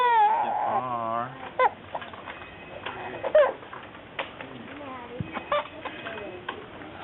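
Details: A brief high, wavering infant cry, then quiet fussing and soft adult murmuring, as the baby gets a cranial and spinal adjustment with the occiput held and appears uncomfortable; infant cry.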